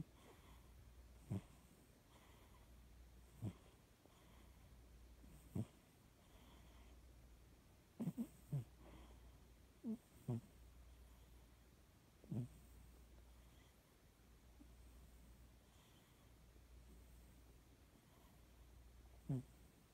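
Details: Snoring cat: short, low snorting snores from a sleeping cat, recurring every couple of seconds over a steady low hum; has been snoring for about two hours, since midnight.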